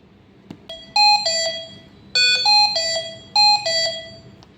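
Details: Repeating bright multi-tone electronic chime, three bursts in under five seconds, over quiet room hum: ICU mechanical ventilator alarm (Hamilton C1) while modes and settings are being set up.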